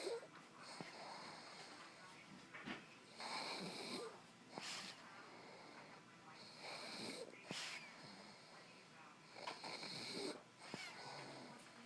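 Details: A sleeping dog: repeated snuffly, wheezy snores with whistling breaths in and out, about four breaths in twelve seconds; dog snoring.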